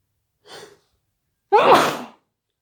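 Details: Intentionally induced sneeze, described as very wet and intense: a short indrawn breath, then a single loud explosive sneeze.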